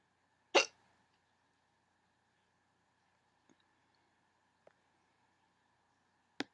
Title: Hiccups 18